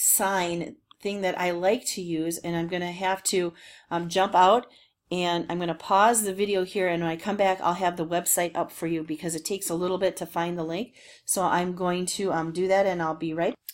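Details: Adult woman speaking; ordinary speech.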